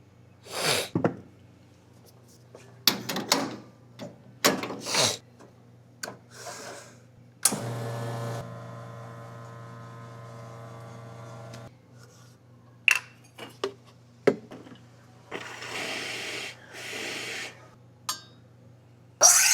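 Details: Repeated short, hissing nasal sniffs with some coughing from an adult with allergic rhinitis on a bad rhinitis day, a machine humming in between: sniffing.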